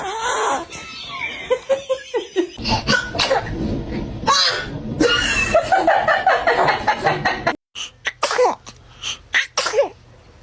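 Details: Infant sneezing several times in short bursts while adults laugh and say bless you.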